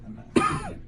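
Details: Adult coughing: a single short, harsh cough with a faint voiced tail after a quiet start; one plain cough.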